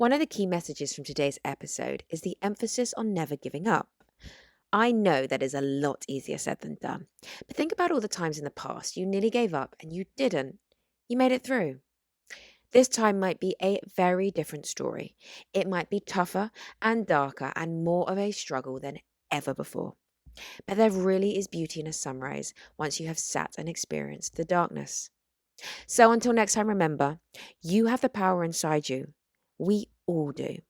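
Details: Adult woman speaking; ordinary fluent speech.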